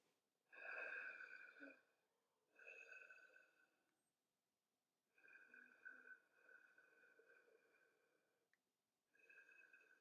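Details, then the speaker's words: Imitated stridor in a talk on tonsillitis and quinsy, below vocal-cord level: long, quiet, whispery rasping breaths with a prolonged respiratory cycle from airway narrowing; stridor (quiet, whispery). "Stridor will make a completely different, quieter sound and may even just present as prolongation of the respiratory cycle. So this sounds more whispery, such"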